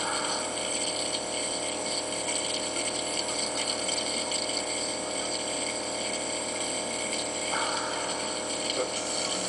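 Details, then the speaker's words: Adult with asthma using a nebulizer during an asthma attack, near the end of the treatment: steady hissing, bubbling hum with faint liquid gurgling as the nebulizer is shaken to get the last medication out. "I'm just coming to the end with using my nebulizer"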